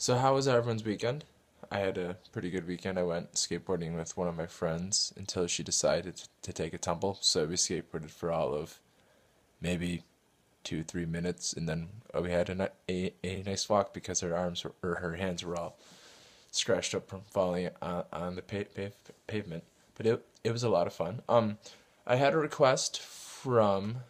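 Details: Adult man who stutters, describing word substitution to avoid stuttering and partly overcoming it; stuttering.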